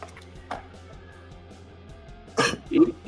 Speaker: okay I'm out sorry I had a little coughin fit there think y wanted to hear that